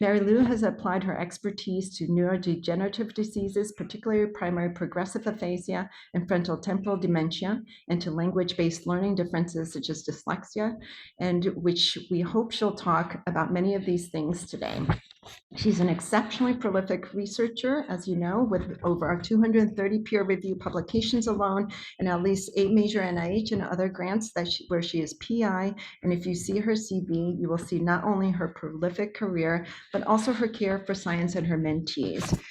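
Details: Adult woman speaking; normal speech.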